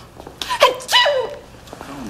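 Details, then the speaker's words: Acted sneezing in a comedy sketch, a staged sneezing fit joked to reach a fourth sneeze: sharp, voiced sneeze bursts in a small room. "sneezes always come in threes if you ever noticed oh really is that so oh well that was a fourth"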